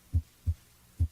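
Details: Normal heart sounds heard at the cardiac apex on stethoscope auscultation.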